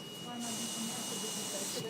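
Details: Steady rushing hiss of air with a faint high tone and a rise in flow, from a BiPAP Vision ventilator set at 12 over 6, blowing through a mask during a hands-on respiratory care demonstration.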